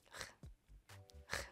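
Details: Young person with Tourette syndrome demonstrating a vocal tic: brief hissing, rustling mouth noises in quick bursts; vocal tic.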